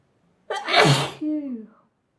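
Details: Sneezing compilation: a single loud sneeze, with a sharp intake of breath, an explosive burst, then a short voiced tail.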